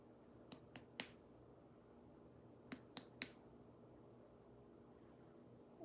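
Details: Female patient during a head-to-toe nursing assessment: five sharp, hollow finger-percussion taps over the abdomen in a quiet room; normal tympanic percussion note.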